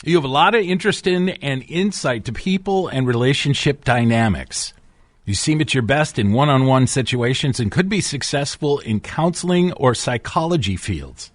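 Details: Adult male speaker; normal voice.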